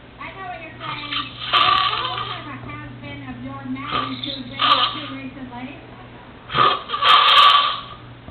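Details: Adult roommate snoring during a nap: loud, rough, rattling snores in long drawn breaths, about three cycles.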